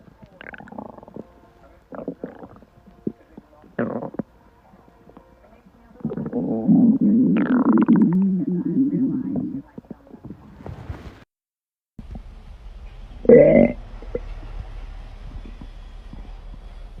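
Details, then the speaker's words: Girl's stomach growling: a long gurgling, bubbling rumble from the belly amid short bursts of room sound, ordinary gut movement. "that was my stomach you know you know a feeling you get when a volcano is about to go off in your gut and you have no idea which ends gonna blow"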